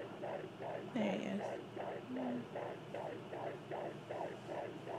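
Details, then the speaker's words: Fetal heartbeat picked up by home Doppler: rapid, regular whooshing pulses at about 140 a minute, sounding like wind and gusts. "we got a doppler see it sounds so weird because all you hear is like wind and gusts sounds like a tornado"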